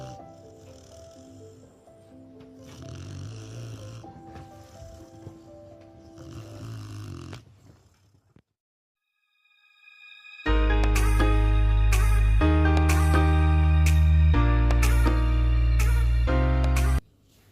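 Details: Sleeping Presa Canario dog, a loud snorer since 3 months old and unchanged since, gives steady, rhythmic, low rattling snores; loud background music then covers the later part; snoring.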